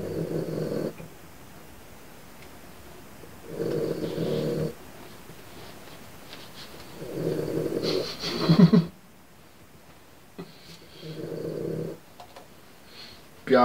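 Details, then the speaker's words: Low, rough snores recur every few seconds, about four in this stretch, from a dog named Pete lying asleep by the door, over quiet room noise: ordinary snoring. "hear that snoring that's Pete dog again he's laying there at the door asleep snoring is hard"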